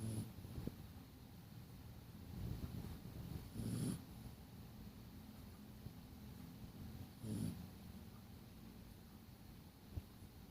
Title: Snoring sleeping dog